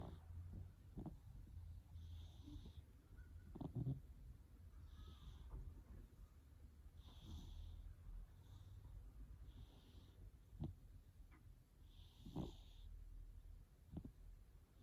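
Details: Cat, tagged as a stray, snoring: soft, rhythmic snores with faint snorts on each breath, about five breaths in fifteen seconds, over low room hum.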